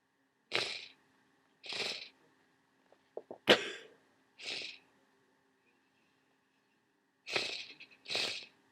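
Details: Sneezing and sniffling from a cold that is getting worse: about seven hissing, breathy nasal bursts with sniffs between, over a faint steady hum.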